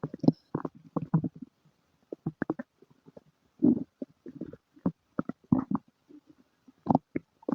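Irregular gurgling, bubbling pops and low rumbles in quick clusters with brief quiet gaps: active stomach and bowel sounds (borborygmi).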